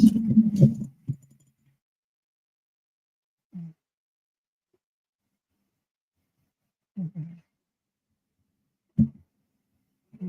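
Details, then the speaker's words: Pet dog snoring while asleep: after a brief louder noise, soft low snorts recur irregularly every few seconds in a quiet room. "Right. Hang on, my dog's asleep. He's snoring."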